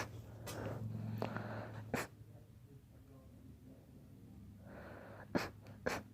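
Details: A dog's quiet sneezing: several soft, sharp nasal bursts amid snuffling breaths in a quiet room.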